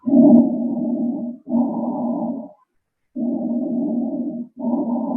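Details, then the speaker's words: Normal laryngotracheal (tracheal) breath sound heard with the stethoscope over the larynx and trachea: loud, harsh, hollow turbulent flow in large airways through inspiration and expiration with a short pause between breaths. "El primero es el soplo laringotraqueal. Lo encontramos apoyando el estetoscopio sobre la laringe y la tráquea. Es un sonido intenso que se produce en vías aéreas de gran calibre, donde el flujo de aire es turbulento."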